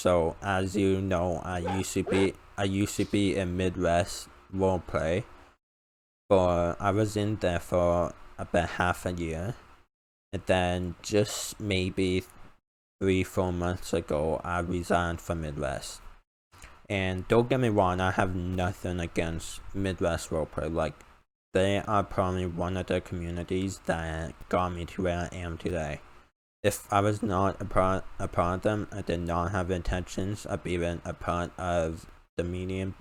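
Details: 19-year-old male college student with a self-described uncontrollable speech impediment; about 10 years of speech therapy; formerly used an iPad talking device, not needed for about three years; finding: speech impediment.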